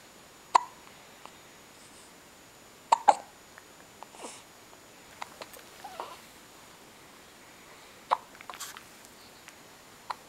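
Several brief, sharp catches of breath at irregular intervals over a quiet room; infant hiccups.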